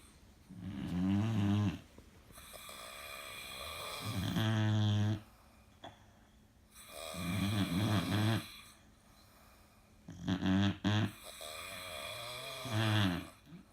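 Loud, rattling inhaled snores about 18 a minute, some with a softer snort on breathing out; ordinary heavy snoring.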